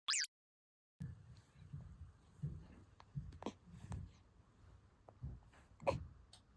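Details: Baby aged 0–2 months (newborn) hiccuping: short, soft, repeated catches at irregular intervals over quiet room noise; newborn hiccups.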